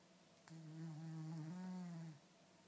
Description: My cat Rocky snores like a horse!